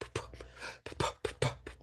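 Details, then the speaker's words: Vocal imitation of normal heart sounds during a cardiovascular examination teaching: paired lub-dub S1 and S2, each pair followed by a short silent diastolic gap, not one right after the other. "no it's not one after the other. there is a gap. Okay. So there is a S1, S2 and a diastolic gap."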